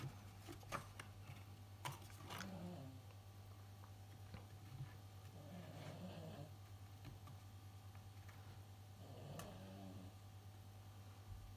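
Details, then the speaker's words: Resting dog snoring in the background with soft, rumbling snores about every three to four seconds (roughly 17 a minute), over a steady low room hum and light handling noises. "If you hear the background noise, that's my dog snoring. He's decided he wanted to come and watch, but I've bored him already."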